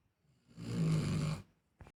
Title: Dog snoring 😴 in home